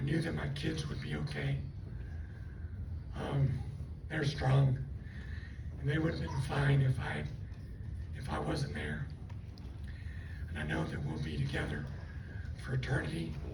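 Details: Adult woman after stroke with left vocal cord paralysis and one working cord; the cords do not seal, so she takes breaths while talking. She also has swallowing loss and left facial paralysis. Dysphonia from unilateral vocal cord paralysis.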